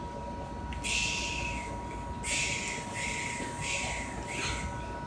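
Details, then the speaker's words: Closed in-line endotracheal suctioning of a ventilated patient: the catheter is advanced to resistance, then turned side to side with intermittent suction within a 15-second limit; repeated short hissing, gurgling suction bursts over a steady electronic tone. "we fit our resistance and we're going to turn as we're turning side to side we're going to intermittently manage to suction"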